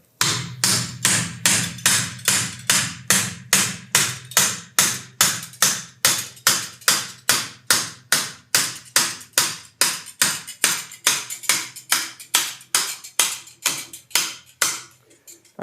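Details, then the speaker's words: Hammer striking the impactor to drive a tibial intramedullary nail (Expert type) into the reamed canal during surgery: steady, rapid metallic taps at about 143 per minute. "Sí con movimientos lateromedial si se requiere ayuda del impactor con el martillo lo podemos"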